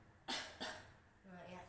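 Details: Demonstration of effective cough technique on a patient: after warm water and positioning, deep breath held one to two seconds, then two forceful, sharp cough bursts in quick succession.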